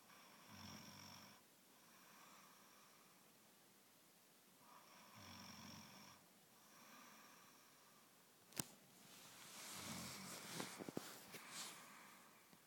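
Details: Woman snoring in sleep: soft, rough, rhythmic breathing noise recurring every few seconds with a faint whistle, then rustling.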